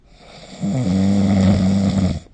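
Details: Snoring during sleep recorded with the SnoreLab app: a single loud, low, rumbling snore on one inhalation with a steady buzzing tone.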